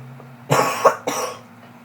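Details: Cough while sick at school: two harsh cough bursts over a low steady hum; speaker reports being sick, throwing up.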